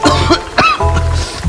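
About three short, harsh cough bursts from an adult over background music; an acted cough.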